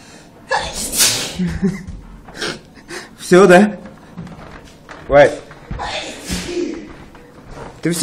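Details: Man in a sneezing fit after clearing his nose with kalanchoe: repeated sharp, explosive sneezes in quick succession, with gasping breaths between and voices nearby.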